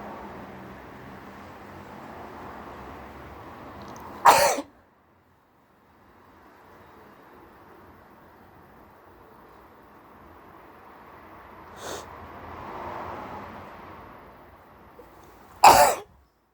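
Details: Hay fever sneezing after sitting outside in high pollen, possibly also coming down with a cold: two sharp, explosive sneezes and a smaller one over quiet room noise.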